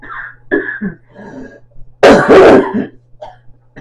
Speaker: update um I am getting better I still have a cough as you can hear my nose is is still stuffed up but at least I'm getting it out coughing it up